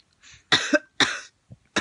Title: 5 month old baby copying mummy coughing